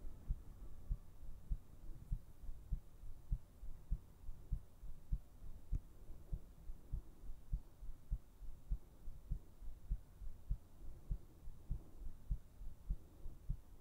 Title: ASMR : HEARTBEATS to put you to sleep!